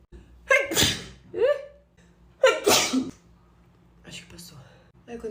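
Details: Girl sneezing from allergy: two loud sneezes, each preceded by a sharp intake of breath, then a short voiced sound and quiet breathing.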